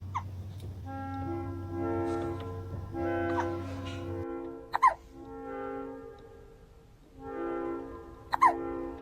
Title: Ranking funniest Cat hiccups #catshorts #catvideos #catmemes